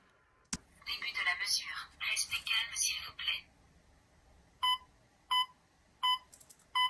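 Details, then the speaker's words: Talking pulse oximeter for blind users: a click, a synthetic French voice prompt, then steady pulse beeps at about 85 per minute; reading reported SpO2 99%, heart rate 85, stable rhythm. "tout ceci en toute accessibilité car cet oxymètre parlant est entièrement vocalisé allez on passe tout de suite au test"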